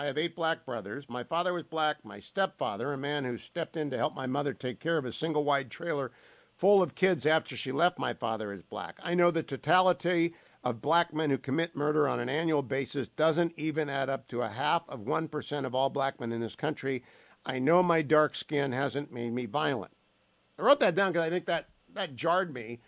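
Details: Adult male speaker; normal speech.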